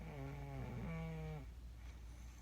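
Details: Adult woman (wife) snoring louder than usual at night: one low, buzzing snore on the breath in, trailing off into quiet breathing.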